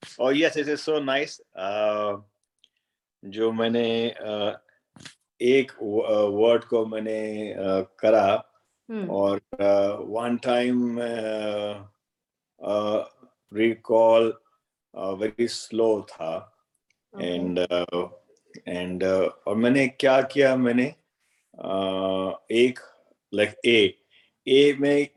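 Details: Aphasia after stroke; Hindi-speaking participant naming pictured objects during an online speech-therapy conversation-practice class, aphasia.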